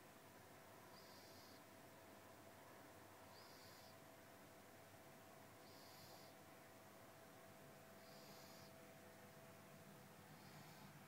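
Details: Snoring.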